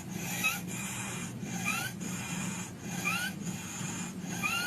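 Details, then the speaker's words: Child's cough sounding harsh and rasping like a saw, with a rising whistle; saw-like cough warned of as a sign of acute laryngitis in children, a high-fatality pediatric emergency. "但是啊，这2种咳嗽声音要小心啊，一个是跟拉锯一样。"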